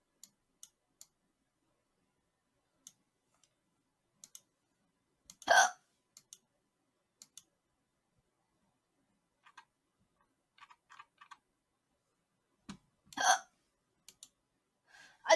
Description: Korean girl on Twitch has hiccups